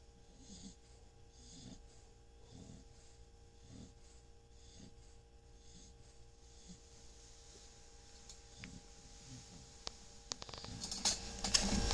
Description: My dog snores like human.